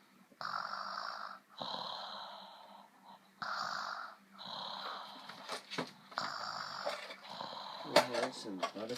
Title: Baby snoring